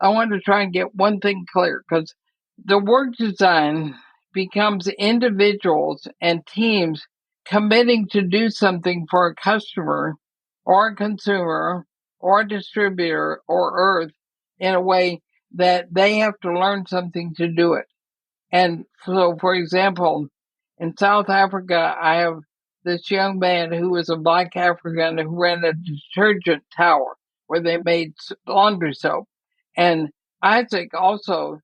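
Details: Woman about 80 diagnosed with ALS (Lou Gehrig's disease), which also affects her breathing; she reports quite a bit of speech trouble but feels still intelligible; dysarthria (ALS).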